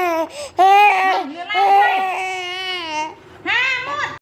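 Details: Baby crying: loud, sustained wailing cries with short breaths between, in a small room; ordinary infant crying.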